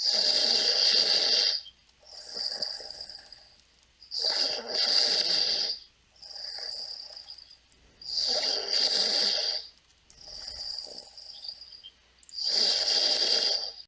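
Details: Regular rasping snores on each breath in, softer hissing breaths out, about 15 breaths a minute: ordinary snoring during sleep.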